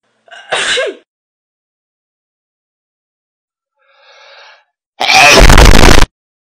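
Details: A very loud, distorted sneeze blasted straight into the microphone, preceded by a quick gasp and a breathy intake; a humorous clip of how it feels when someone sneezes into the mic at 3 am.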